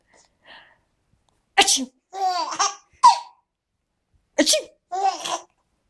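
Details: Baby giggling at sneezes: two sharp, explosive sneezes, each followed by the baby's bright giggles.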